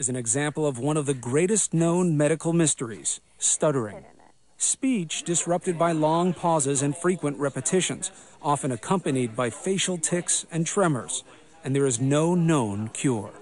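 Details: Adult male narrator; no speech disorder.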